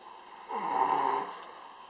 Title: 便便 打呼~ Poo Snoring !!